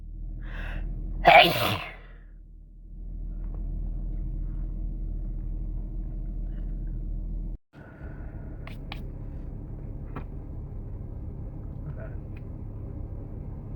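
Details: Adult sick with a cold, many sneezes self-induced; a short breath in, then a single loud sneeze, followed by quiet room noise and soft clicks.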